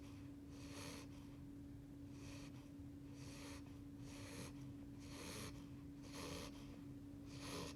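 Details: Just-over-8-week-old beagle puppy asleep on his first night home, soft rhythmic snuffling snore about 50 breaths per minute over steady background hum: normal sleep snoring.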